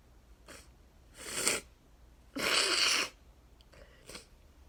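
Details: Two forceful, airy sneezes with softer breaths and sniffs between, part of a 34-sneeze fit with nose blowing, blamed on neighbours cutting grass; repeated allergic sneezing fit.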